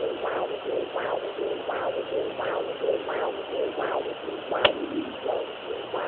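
Rhythmic whooshing pulses through steady hiss on a Doppler, a fetal heartbeat; rate not clear from this short stretch.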